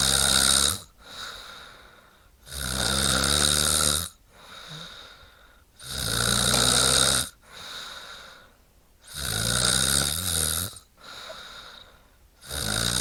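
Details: Snoring sound effect of a woman: loud rhythmic snoring on inhalation, about 19 breaths a minute, with quieter exhalations between.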